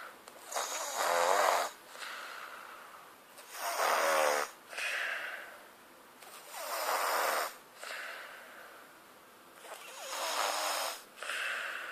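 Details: Rhythmic, rough, fluttering snores on each breath in, with quieter breaths out, at about 20 breaths a minute: snoring.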